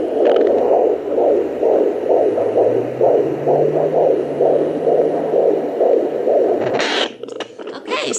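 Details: Rapid, regular whooshing pulses of fetal heartbeat at about 130 beats a minute, from a handheld Sonoline B pocket Doppler with gel on the lower belly at 22 weeks of pregnancy.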